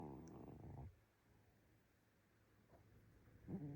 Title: Cat snores 🥹